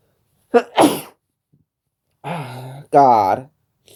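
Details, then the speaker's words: Two playful sneezes: a sharp intake and burst, then a voiced, drawn-out vocal sneeze sound; sneezing. "I have Halloween sneezes since tomorrow's Halloween."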